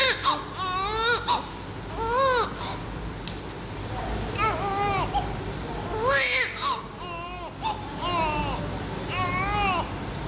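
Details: Newborn baby during cleaning right after birth: repeated short, high-pitched cries with rising and falling pitch over room noise; a vigorous newborn cry.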